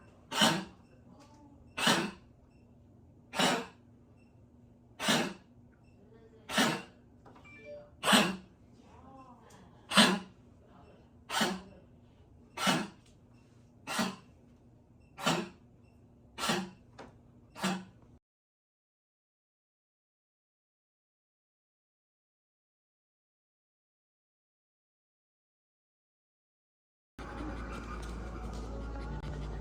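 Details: A dog gives a run of about thirteen sharp, harsh coughs; tracheal collapse cough.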